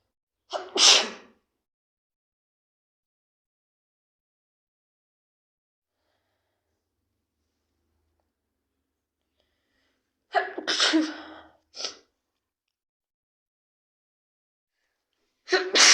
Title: sneezing cold